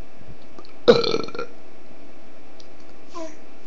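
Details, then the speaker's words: 10-month-old baby encouraged to burp: a single short, wet burp followed by a faint vocal sound in a quiet room; burping. "Bueno, eructa."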